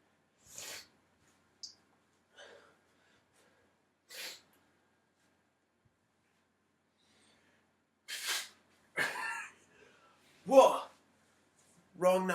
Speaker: well I hope you enjoyed that it was a burp in a crazy loud sneeze